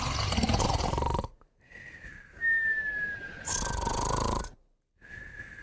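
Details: Moumou and a puppy snoring together: loud rattling snores alternating with a high, thin nasal whistle on breathing out; snoring with nasal whistling.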